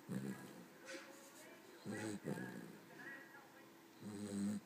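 Rough, fluttering snores in a slow, irregular rhythm from a sleeping small dog, with quieter breaths between them.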